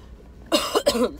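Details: Cough from an adult who has been sick for days with chills, sleeping all day and feeling bad: two short, fairly dry cough bursts in quick succession.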